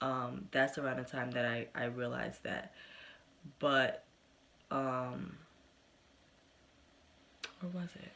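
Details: Developmental stuttering in an adult woman, present since early childhood and persisting into adulthood, with good and bad days.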